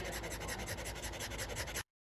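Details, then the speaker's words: Excited brachycephalic dog after surgery for brachycephalic obstructive airway syndrome (BOAS), panting rapidly and evenly with some audible airflow noise but no labored effort, showing improved breathing after airway surgery. "but one is prior to surgery and you can hear the sound to this dog who is very excited to be here after surgery panting"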